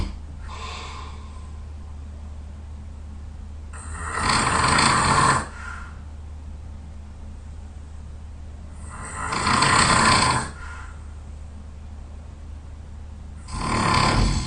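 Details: Very tired sleeper snoring loudly: rough, loud snores on three breaths in, about 13 per minute, with steady low room hum between them.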